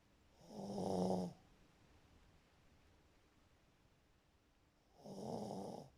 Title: The snore files 1(3)